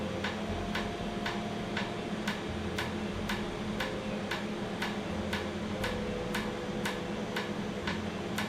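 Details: Laser tattoo removal session on skin numbed beforehand, with cooling air applied; the treated area was slightly raised and swollen afterwards: steady sharp ticks about two per second over loud machine hum; laser tattoo removal device firing.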